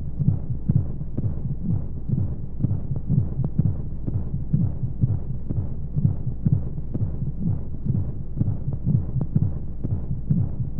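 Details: Womb-sound sleep aid for babies with white noise: muffled rhythmic whooshing heartbeat thumps repeating steadily under a constant low rumble of flowing sounds, as heard from inside the womb.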